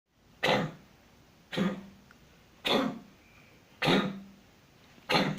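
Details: Cat coughing repeatedly: five sharp, hacking cough bursts about a second apart, each with a brief throaty tail.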